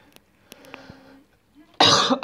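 A single loud, harsh cough burst from an adult man after quiet room noise and a few clicks.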